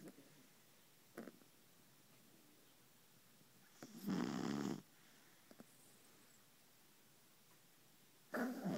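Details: Mother and puppy beagle snoring side by side while asleep on a pillow: irregular rattling breaths, with a couple of loud fluttering snores between quieter ones, in a quiet room.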